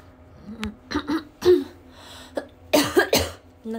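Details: Several dry coughs and throat clears in short irregular bursts from a young woman on a livestream who has been unwell, saw a doctor, received antibiotics, has a blocked nose and says her cough worsened.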